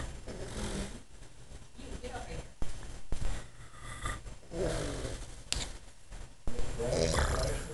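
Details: A man snoring: low, rumbling snores with each breath, with some clicks and room noise in the background.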